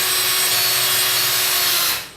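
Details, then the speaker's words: Power drill at lower speed driving a self-centering, self-drilling, self-tapping fixation pin at an angle into polyethylene simulated bone: a steady high-pitched whine with grinding, then spinning down. "I can slow that down to a lower speed and again I can approach the bone or the simulated bone which is this piece of polyethylene at an angle and I think I can drill"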